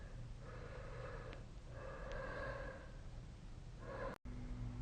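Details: Snoring during sleep: soft, buzzing snores on inspiration, two or three cycles, over a steady low room hum with a brief dropout near the end.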